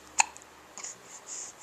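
A single short, sharp, squeaky hiccup with faint breathing noise after it.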